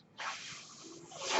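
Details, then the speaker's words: Background sound of a mechanical ventilator used by a podcast host while speaking: soft, steady airy hiss of air flow, swelling again at the end. "hello everyone my name is that noise hearing is by ventilator and welcome to page turners"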